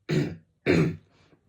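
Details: Adult man with a really bad sore throat gives two short, harsh throat-clearing bursts, with a faint trailing sound after the second.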